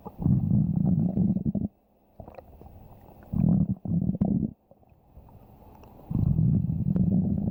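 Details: Ordinary stomach growling (borborygmi): low rumbling gurgles in several bursts with quiet gaps between them, from gas and fluid moving through the gut.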